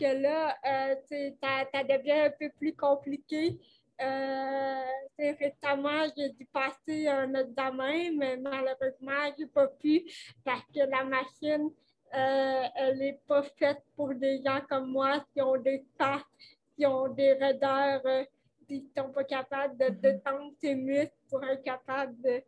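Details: Dysarthria from cerebral palsy in a 29-year-old woman, caused by lack of oxygen at birth; she appears to mention speech difficulties; real conversational French speech.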